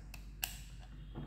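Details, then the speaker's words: Ultrasound-guided lung biopsy demonstration with a disposable 16-gauge, 16 cm core biopsy gun: sharp mechanical click as the lever is pressed, retracting the outer needle to expose the notch holding lung tissue; normal device action. "so how to remove lung tissue we have to press one lever like this"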